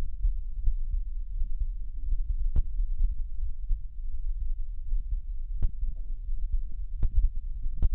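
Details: Low, muffled heart sounds from a child's chest, recorded with a digital medical stethoscope, with occasional handling clicks.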